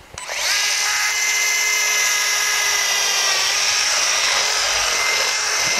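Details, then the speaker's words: Loud steady high-pitched whine of a powered reamer opening the femoral medullary canal before the distal femur cut during rotating-hinge knee revision surgery demonstrated at an anatomic institute. "You can either use this instrument or go directly with the reamer. I prefer the reamer. It makes it a little easier."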